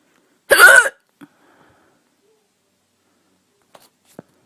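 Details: Persistent hiccups, cause unknown: a single abrupt voiced catch of breath, followed by quiet with faint small noises; a hiccup.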